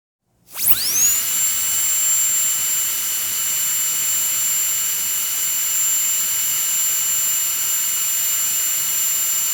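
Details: Steady high-pitched whine of a dental drill spinning up and running continuously; dental drill sound-effect recording.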